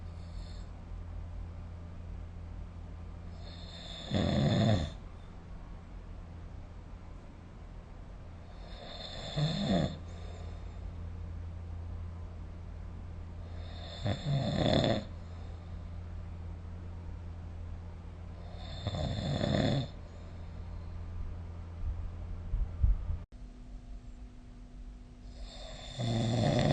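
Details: Snoring during sleep recorded with the SnoreLab phone app: regular snoring bursts about twelve breaths a minute over a steady low room hum.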